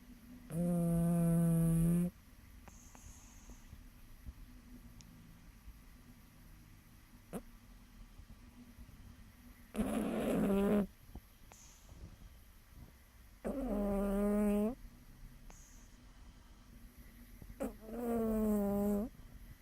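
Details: 6-pound, 7-month-old kitten asleep: four drawn-out, tonal rattling breaths at irregular intervals; snoring.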